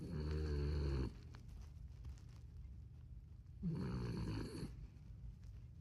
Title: Little Dog Snoring #dog #funny #pet #home #furbaby #furbabies